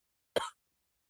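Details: A single short, harsh cough in a quiet room from a person with a cold (not flu) who reports a developing bad cough affecting the voice.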